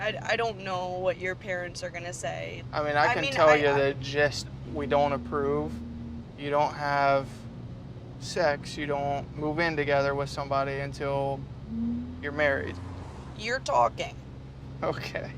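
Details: Adult speech; no disorder.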